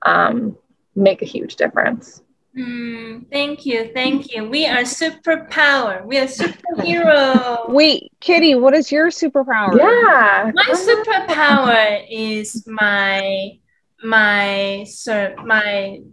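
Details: Aphasia in a younger adult woman who was initially not talking at all after onset; word repetitions and word-finding difficulty.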